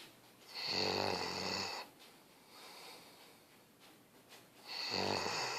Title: Sei Tu snoring